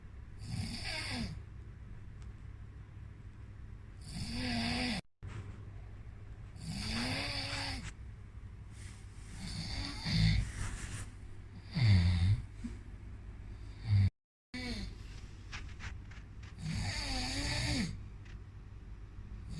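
Slow, low rattling snores on each in-breath with quiet pauses between, about five breaths in twenty seconds; ordinary snoring.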